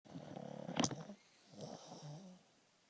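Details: Rattling, vibrating in-breath snore, then a softer grunting out-breath, from a pug: loud snoring.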